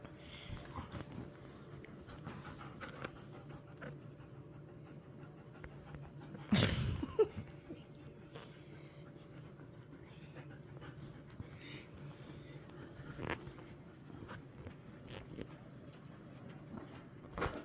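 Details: German Shepherd puppy snuggling: rapid, shallow, noisy breathing with one louder burst partway through and faint room noise; panting.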